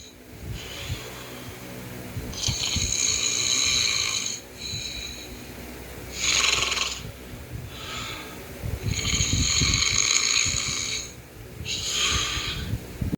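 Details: Simulated snoring voiced for a toucan puppet in a comedy puppet interview: exaggerated, acted snores in long hissing breaths with breaks between.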